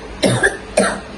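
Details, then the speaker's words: Two short, deliberate coughs by a seated adult woman in a role-played nursing demonstration of effective coughing technique after deep breaths in and out. "Ulang lagi Bu. Tarik napas keluarkan. Tarik napas keluarkan. Tarik napas batukkan ibu."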